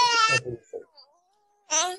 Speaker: Voilà. Il y a un bébé qui pleure. Voilà. Donc, oui, il y a un enfant qui crie, oui.